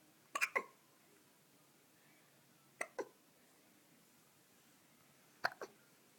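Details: 2-month-old baby boy with hiccups: three brief paired hiccup sounds a few seconds apart in a quiet room, typical of infant hiccups.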